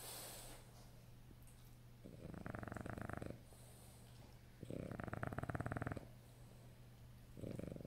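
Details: French Bulldog snoring while sleeping.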